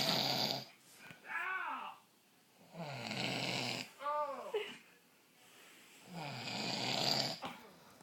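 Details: Adult man snoring: loud rough snoring on each breath in, with a breathy groaning sound on breathing out, about every three seconds.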